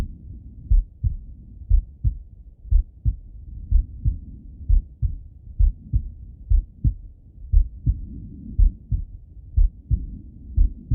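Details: Adult male auscultating his own heart while falling asleep: steady paired lub-dub heartbeats at about 60 a minute, a slow, regular resting rhythm, normal.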